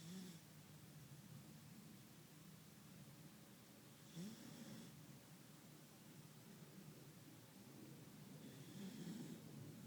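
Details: A sleeping cat snores softly, with a low rumbling breath about every four to five seconds over faint room hiss.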